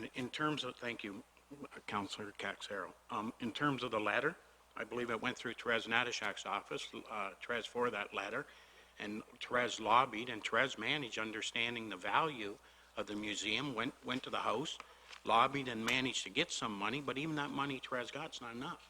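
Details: Adult man speaking at a meeting; normal voice.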